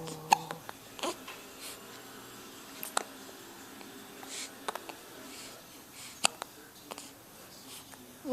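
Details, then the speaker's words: Baby with hiccups while making kissy faces: small, sharp, clicking catches every second or two in a quiet room, with soft baby sounds and adult cooing between; infant hiccups. "hi baby give it a cups oh yeah what's going on hiccups for you"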